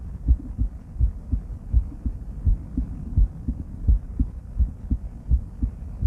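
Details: Female heart auscultated with various stethoscopes through a microphone, moving from Erb's point to mitral, tricuspid, aortic and pulmonic areas: regular low lub-dub at about 80 a minute, no added sounds; normal heart sounds.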